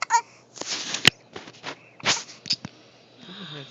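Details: Infant boy with hiccups: short, abrupt breathy catches between soft breaths and small vocal sounds.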